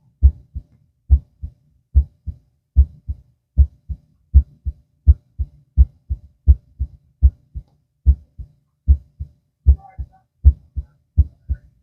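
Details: Normal heart sounds by stethoscope auscultation, person lying down, two minutes at each site: steady, regular lub-dub pairs at about 75 beats per minute.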